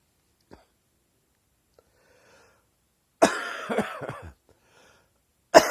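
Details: Chesty morning cough: a long, wet, rattling cough burst followed by the start of another.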